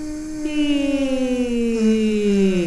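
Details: Descending pitch glide on 'e' during videostroboscopy; stiff scarred vocal fold edges cannot close, with the scarring from wear and tear and multiple microinjuries from voice overuse or misuse; phonation with vocal fold scarring.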